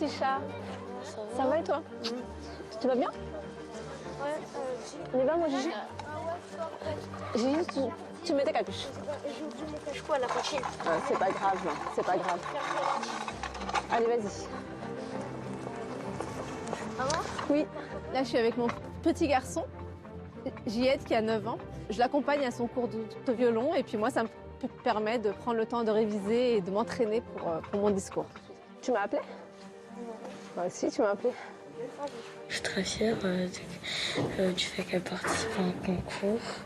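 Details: Stuttering since early childhood in a female adult triathlete, with particular difficulty on the letter R, certain numbers, syllables and consonants; stuttering.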